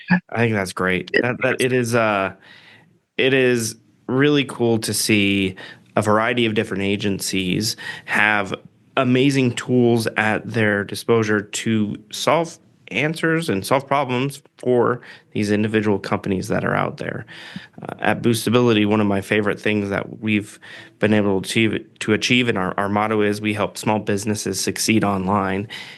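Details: Adult man speaking; typical voice.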